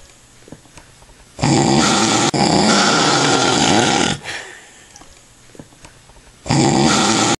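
Two long, loud rattling snores with quiet breathing between them: heavy snoring during sleep.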